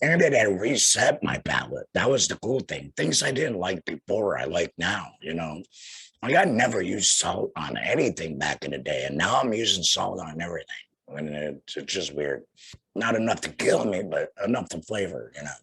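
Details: Adult male, about two years after total laryngectomy for head and neck cancer followed by radiation, speaking through a flanged, vibrating voice prosthesis; tracheoesophageal (alaryngeal) speech after total laryngectomy.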